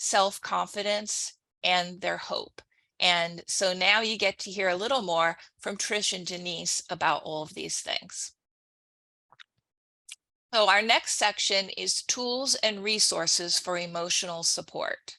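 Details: Adult woman; typical speech.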